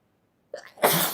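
A brief indrawn breath followed by one loud, explosive burst of air: a single sneeze.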